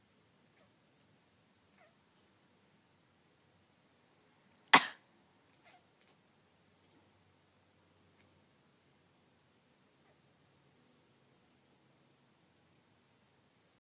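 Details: A single sharp, brief cough from a cat, followed by a couple of faint sounds in a quiet room; the cat coughs while her owner is sick.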